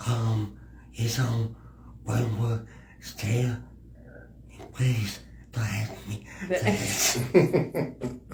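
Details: Male podcast guest with a disability who has a speech impediment; dysarthric-sounding speech; speech impediment.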